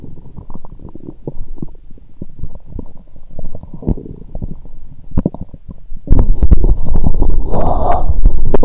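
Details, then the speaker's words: Bowel sounds (borborygmi) heard through a stethoscope placed gently on the abdomen while lying down after drinking lots of lactic acid bacteria drinks: frequent low gurgles and rumbling clicks, growing louder. ""My stomach is rumbling a lot 😳". "The sound of my stomach is getting louder 😅". "I can hear various sounds 😅"."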